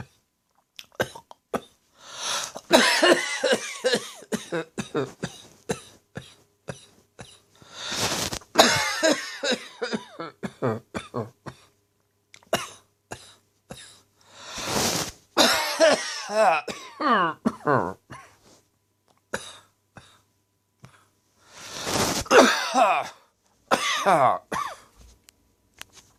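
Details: Harsh dry evening cough attributed to throat tickle and acid reflux: repeated coughing in clustered bursts, no wet rattle, brief pauses between bouts; dry cough.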